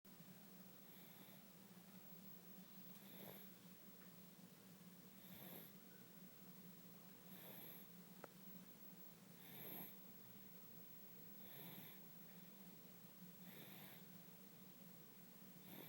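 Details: Sleeping 6-month-old baby, tired after immunization: soft, regular snoring breaths, about 28 a minute, over steady room hum: snoring.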